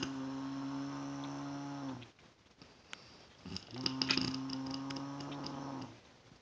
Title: Sound of bear snoring lol